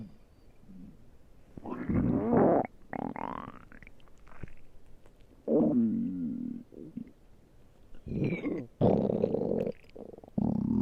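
Irregular gurgling, rumbling bursts with gliding squeaky tones and quiet gaps between them: ordinary stomach growling from gas and fluid moving through the gut.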